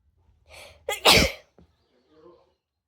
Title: wide Nose Sneezes Philippines ❣️